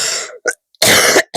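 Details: Adult clearing the throat while speaking.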